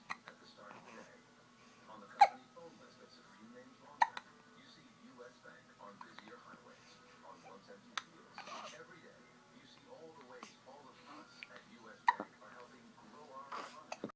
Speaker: hiccups. Someone has hiccups.